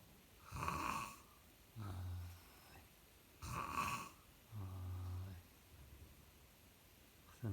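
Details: Loud, rough snoring over two breaths, a harsh rattle then a lower buzzing tone, about 21 breaths a minute; snoring.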